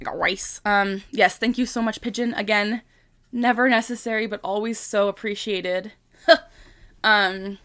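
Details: Vocal tic in a 25-year-old woman with Tourette syndrome, tics since about age 3 and diagnosed at 12; a repeated tic phrase is said aloud mid-sentence, interrupting ordinary speech.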